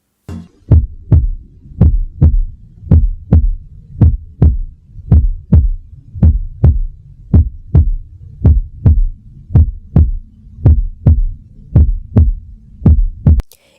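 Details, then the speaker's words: Regular paired 'tum-tá' heart sounds, about 55 beats a minute, presented as an educational example of normal first and second heart sounds (S1 and S2). "O som da bulha um é representado pelo somomatopeéico tum. E o som da bolha dois é representado pelo som onomatopé tá."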